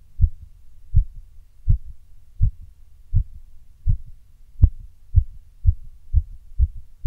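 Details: Heartbeat recorded after caffeine and exertion: clear paired heart thumps at about 82 a minute with slightly uneven spacing.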